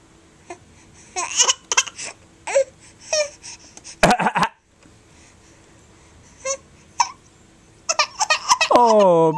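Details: Infant aged 4.5 months playing a coughing game makes short, playful forced coughs and vocalisations, then breaks into a rising sad cry; voluntary fake cough.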